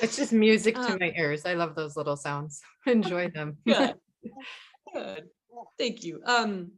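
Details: Adult woman speaking; ordinary speech.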